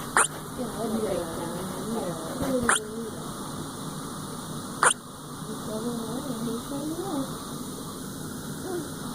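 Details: Hiccups in a female, likely a small animal: three sharp, brief hiccup clicks at irregular intervals over soft whining or vocal noises.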